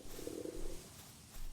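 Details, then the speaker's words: A low, gurgling rumble under steady background hiss from a hungry livestreamer's stomach during a gaming stream; a normal hunger stomach rumble. "is that sound? That's not the sound of my tummy, right? Okay. Hungry. It is the sound of my tummy."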